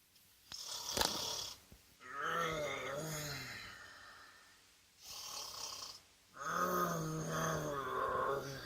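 Loud rattling snores on each breath in, with quieter breaths out between them in a small room: snoring.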